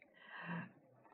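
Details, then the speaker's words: Pet cat snoring in background while asleep; owner says she snores every time she sleeps, making loud noises. "Vous entendez le bruit de fond ? C'est Matcha qui ronfle."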